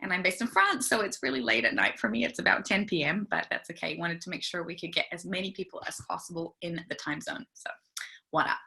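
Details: Adult woman speaking; typical adult speech.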